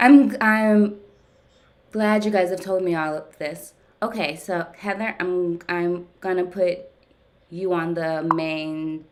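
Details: Stuttering in an adult woman, speaking during a live stuttering therapy session; she reports that ongoing therapy has gradually helped her speech over time.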